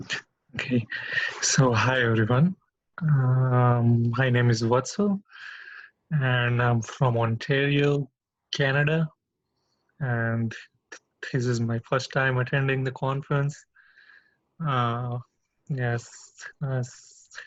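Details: Man speaking freely at a stuttering association open mic, attending his first stuttering conference; real, unscripted speech showing stuttering.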